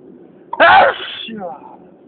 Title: First allergy sneezing attack of the year!